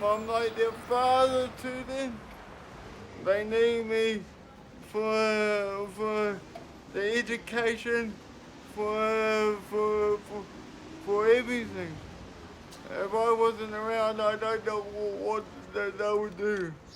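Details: 32-year-old man born with cerebral palsy, dependent on 24-hour care, with slurred speech that worsens when tired: dysarthria (cerebral palsy)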